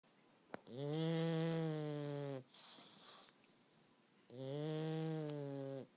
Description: Cute pug snores while sleeping.